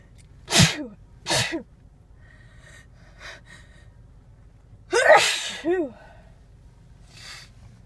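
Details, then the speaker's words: Female sneezing fit that started while looking for a parking spot: several sharp, explosive sneezes, two close together then another pair after a pause, with a gasping intake before some. "Driving around looking for a parking spot. And started sneezing. Sneezing. I try to pull over."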